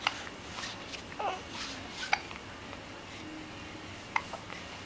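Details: Baby's hiccups: brief sharp little catches in the breath recurring in a quiet room.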